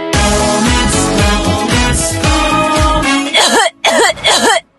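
Three acted, voiced cough bursts after a stretch of upbeat music, portraying a wet productive cough.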